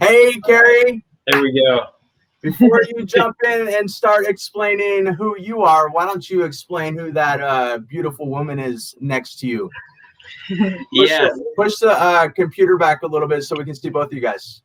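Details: Adult host; normal speech.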